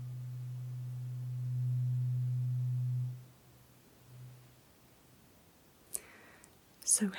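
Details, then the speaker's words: Simulated (ASMR role-play) hearing test: one of two slightly different low-frequency tuning forks struck and held beside each ear, steady low hum ringing about three seconds then fading; tuning fork hearing test. "this is a tuning fork and I have two for you to listen to today okay they are slightly different frequencies they are low frequency"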